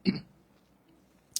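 A single short, voiced cough from an adult in a quiet small room, followed by a faint click; an isolated incidental cough.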